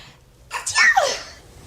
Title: Celebrities sneezing for 17 minutes straight